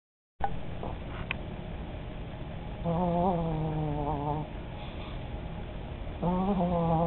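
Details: Old female chihuahua snoring and dreaming, chewing in her sleep: two drawn-out, wavering, whistling nasal sounds over a low, steady hiss.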